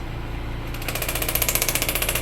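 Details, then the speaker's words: Radial shockwave therapy on the glutes near the sacroiliac joint for SI joint low back pain: low machine hum, then a fast run of sharp regular tapping pulses from a pneumatic gun. "we're going to go into a thing called shockwave it's a pneumatic gun there's a bullet in the tube that hits back and forth"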